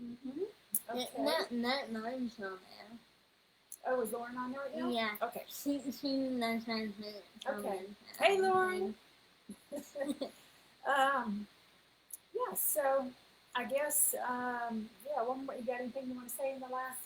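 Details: Adult woman speaking, possibly with a second voice; ordinary conversational speech.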